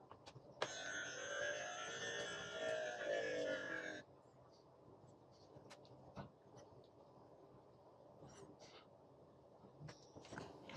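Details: Automatic home upper-arm blood pressure monitor during a live self-measurement: a steady motor buzz for about three seconds as the cuff inflates, then a release hiss; reading was 136/73 with heart rate 61.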